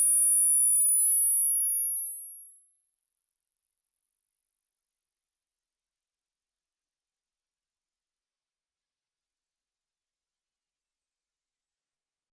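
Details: Simulated hearing-test sweep: a pure high-pitched tone rising slowly over about 12 seconds until it passes out of hearing; the uploader's hearing goes silent at around 11 kHz.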